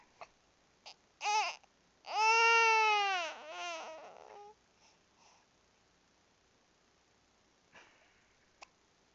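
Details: Infant with hiccups: short sharp hiccup-like catches, then a brief wailing cry trailing into fussing, in a quiet room; crying because of hiccups.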